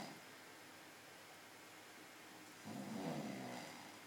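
A quiet, noisy stretch, then a low rough rattling breath that sounds like a snore.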